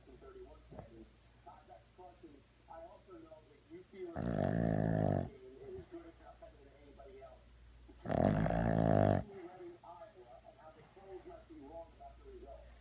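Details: Four-month-old Boston terrier puppy in deep sleep: two loud, harsh rattling snores about four seconds apart, with soft snuffly breathing between; snoring.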